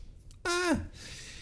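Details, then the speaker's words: Dog sitting just behind the speaker sneezes once: an abrupt, squeaky, voiced burst falling in pitch; she is fine afterward. "That was my dog kind of sneezing. She's right behind me. You can see her paws right now if you're watching the video, but she just sneezed."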